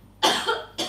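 A single sharp adult cough burst followed by the start of a second, in a quiet room.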